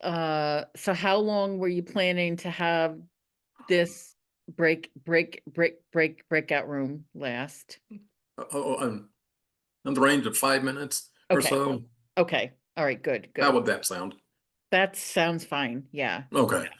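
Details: Adult woman who stutters, speaking at a National Stuttering Association meeting, with repeated syllables and words; stuttering.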